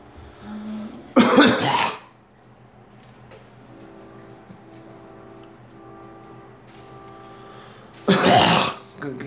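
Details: Two loud, explosive coughs, described as more of a cough and a sneeze, several seconds apart over faint background noise.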